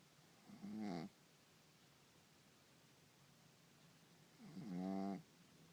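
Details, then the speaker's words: A sleeping cat snoring: two soft buzzing snores about four seconds apart over faint room noise. "and gentlemen, doubles and Daddy is snoring."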